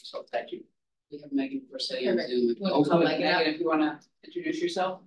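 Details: Adult speaker; typical voice.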